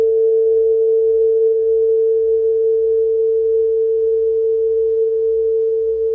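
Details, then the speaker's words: Recordings of an artist's own distortion product otoacoustic emissions from the piece Labyrinthitis: tones tuned to precise frequency ratios, played one at a time moving down a standard scale. "This process informs the structure and material of labyrinthitis, which consists solely of recordings of distortion product otoacoustic emissions, which are played one at a time, moving down a standard scale."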